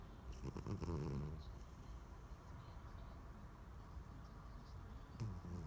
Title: My cat daisy snoring